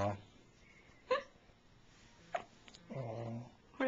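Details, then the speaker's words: 3-day-old baby's first hiccups, recorded on a Flip Video camcorder: short, sudden catches of breath at irregular intervals, followed by a brief whimper; infant hiccups. "Don't get too close. Baby's first hiccup."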